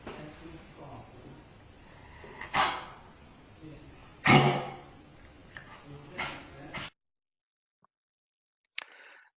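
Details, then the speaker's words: Cough induced by tracheal palpation in a dog with chronic airway disease that was not coughing on its own: a few harsh, honking coughs triggered when the windpipe is pressed. "we just need to add a little bit of pressure to the chest or by palpating the trachea to add the extra stimulus that will cause coughing and we will see it in this video"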